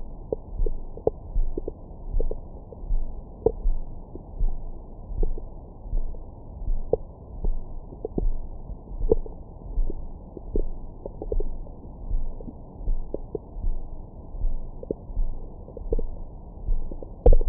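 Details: Stomach growling recorded over the belly with a Stemoscope stethoscope microphone after a large meal: low rumbling with scattered gurgles and small squeaks; active, normal bowel sounds.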